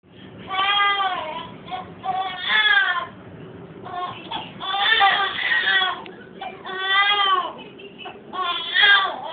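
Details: Infant crying in repeated wailing bursts with short pauses for breath, while the family's boxer dog lies down beside him as if protecting him: infant crying.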